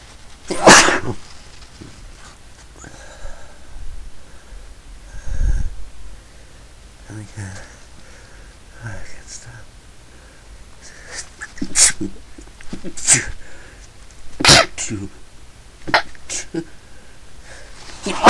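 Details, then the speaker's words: Several sharp, explosive sneezes in a row from a person, with quiet talk and breaths between them; repeated sneezing. "Okay. Oh, fuck, I'm gonna sneeze again."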